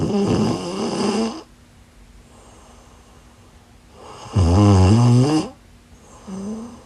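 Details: Loud, deep, rattling snores on two inspirations with quiet pauses between, from a sleeping woman; ordinary heavy snoring.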